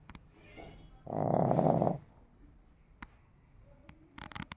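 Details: Lhasa Apso dog giving a single rough, rattling snore, with faint clicks in a quiet room: snoring.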